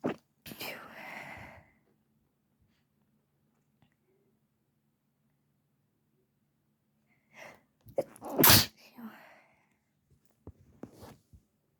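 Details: Mostly wet, intense sneezes with some stifle attempts: two sneeze episodes with sharp explosive bursts, the second stifled and suppressed, separated by a quiet pause; sneezing.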